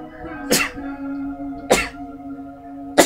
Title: me sneezing (again LOL!)